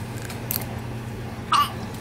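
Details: Person with hiccups being treated with sugar on the tongue, nearly gagging; hiccups reported gone afterwards.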